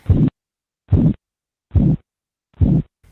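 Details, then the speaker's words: Phase II Korotkoff sounds heard during blood pressure measurement, as taught for a nursing course: regular soft swishing beats at about 72 a minute that lose intensity and sound like a murmur. "El segundo ruido pierde intensidad y suena como un murmullo o soplo, muy identificable."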